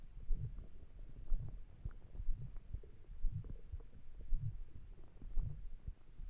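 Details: Soft, low, uneven gurgles and rumbles, about one per second, from an empty stomach while trying to sleep; stomach rumbling (borborygmi).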